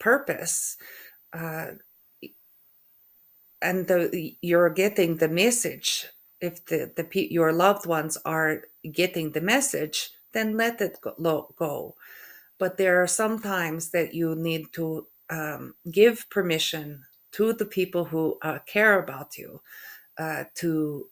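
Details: Adult woman with post-stroke aphasia and functional neurological disorder; halting speech, hesitation between words, word-finding difficulty (anomia) and stuttering; aphasia.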